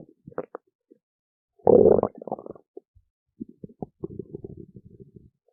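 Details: Ordinary stomach growling: gurgling, bubbling rumbles in bursts, with one louder, longer growl among them.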